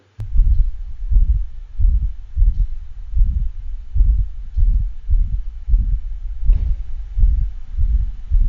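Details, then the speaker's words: Two-year-old intact male pit bull with syncopal episodes on exercise: a loud crescendo-decrescendo systolic ejection murmur from pulmonic stenosis. It is heard best at the left heart base over the pulmonic valve, radiates widely, and the heart rate is near 95/min. "this is the dog with pulmonic stenosis it has an ejection quality systolic murmur a crescendo de crescendo murmur which is usually heard loudest at the left heart at the base over the p location or the pulmonic valve location"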